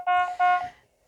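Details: Two short electronic beeps from a manual defibrillator as pacing mode starts, in a training demonstration of pacing for bradycardic patients, set rate 70 per minute; a device alert tone, not a body sound.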